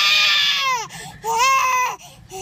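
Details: Baby crying loudly in two long high-pitched bursts with a breath between; an ordinary fussy cry from an irritated, sleepy baby urged to cry louder for the camera.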